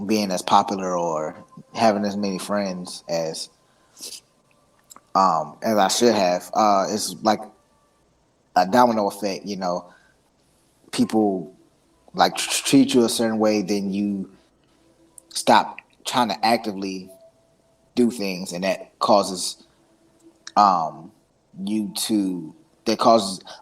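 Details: Stuttering in an adult man whose stutter is situational and anxiety-driven and worst when introducing himself or saying his name, with blocks, tics and eye closing to get words out.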